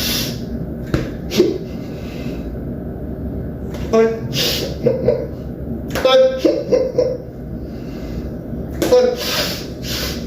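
Sudden irregular vocal bursts, gasps and sharp thumps against room noise, typical of a tic attack in Tourette syndrome.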